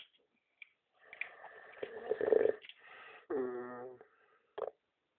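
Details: Person described as drunk, leaning on a bunker: rough, rattling snore-like breathing mixed with buzzy mouth sounds like blown raspberries, deliberately made farting noises with the mouth, quiet room. Snoring.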